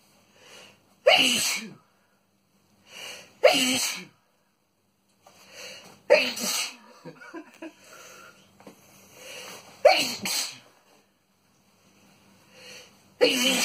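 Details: Boyfriend's sneezing fit: five forceful sneezes in about thirteen seconds, each preceded by a short catching inhale.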